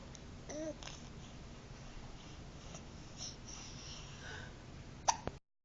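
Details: 6-month-old baby with hiccups that began after laughing: faint, soft, abrupt catches with small vocal sounds in a quiet room.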